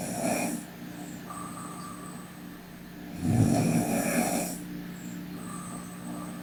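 Two loud rough breathing noises with a steady hum between them, fitting snoring in sleep.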